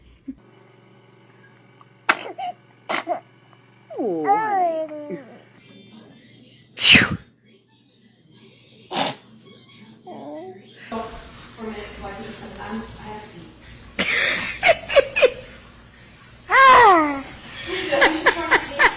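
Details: Infant sneezing repeatedly: several short, sharp sneezes in a row, mixed with cooing, adult voices and light background music. Sneezing.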